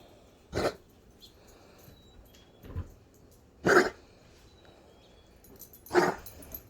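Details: A dog coughing in a quiet room: three loud, harsh, abrupt bursts and one softer one, spaced a few seconds apart.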